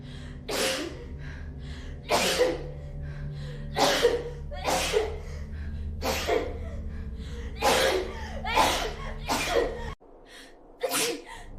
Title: Meta & Tokimeki Sneezing Compilation Part 2